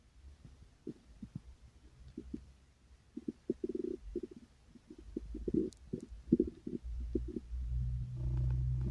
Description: well, my tummy started to growl and growl, and I decided to record it, but...